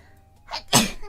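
A single sneeze: a brief breathy intake, then a sharp, forceful burst, with faint music in the background.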